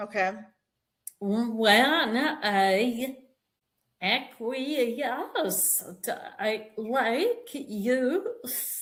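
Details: Vocal tremor in an adult woman, described as developing after decades of narcissistic abuse and trauma and manifesting in the body and nervous system; vocal tremor.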